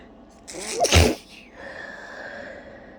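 A quick in-breath, then one sharp, forceful sneeze followed by a short trailing sound; a single sneeze.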